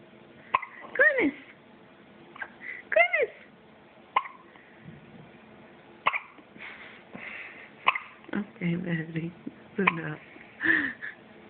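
Short, sharp hiccup catches at irregular intervals from a baby, with soft infant vocal sounds and background noise; infant hiccups.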